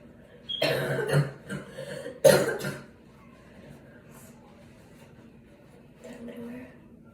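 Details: Person sick with a bad cough while getting ready for the day: two harsh cough bursts with throat clearing, then a softer cough, in a quiet room.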